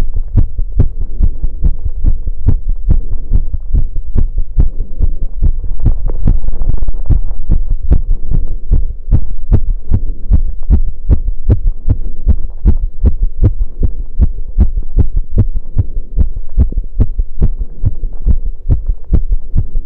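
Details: Heartbeat recorded after running: strong, steady low thumps at about 150 beats a minute; fast but normal heartbeat after exercise.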